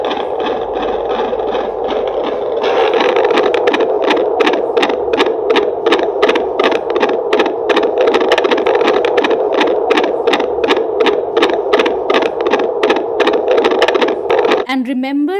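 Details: Fetal heart on Doppler over the lower midline, full-minute count, in a term-sized relaxed uterus, cephalic presentation, left occipital anterior, head deep in pelvis: rapid, regular whooshing pulses over steady hiss; normal fetal heartbeat.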